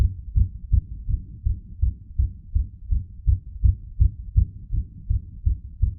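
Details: A self-recorded heartbeat after the person put pressure on their own heart using gravity: rapid, regular, low thumps at about 160 to 165 beats a minute, a fast heartbeat.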